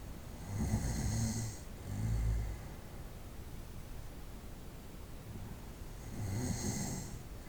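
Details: Night-time snoring recorded over about 25 minutes: low, rattling snores in breath cycles over steady background hiss.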